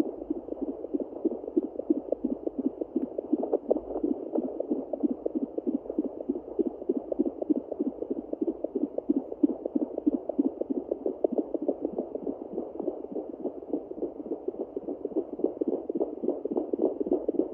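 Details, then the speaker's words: Pregnant Yorkie at day 49, fetal Doppler on the abdomen: rapid, rhythmic whooshing pulses of a third puppy's fetal heartbeat, fast and steady; she was scanned for 3 puppies weeks earlier, and heartbeats are tricky to find. "Tricky to find the heartbeats, but with time, patience, and practice, you'll get there. She was scanned for 3 puppies a few weeks ago, so I think that's what I'm hearing."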